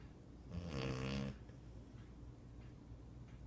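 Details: Sleeping dog: a single rattling, buzzy snore on an in-breath, then quiet breathing in a small room; snoring.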